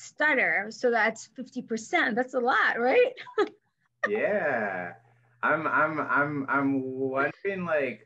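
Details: Adult woman who stutters and is a speech-language pathologist, with silent blocks when younger and later fillers, and past covert stuttering periods; here part-word and whole-word repetitions, showing stuttering.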